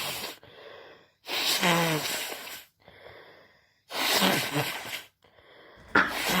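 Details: A student with a 38.6°C fever, sore throat, runny nose and headache, at the school nurse: loud, harsh bursts of coughing with breathy gasps, about three in six seconds, possibly with sneezing.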